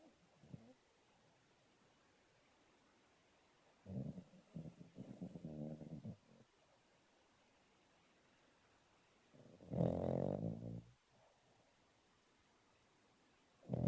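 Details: Female rescue Cavalier asleep on a sofa, snoring hard enough to make it vibrate: intermittent rattling snores separated by quiet pauses, in a quiet room.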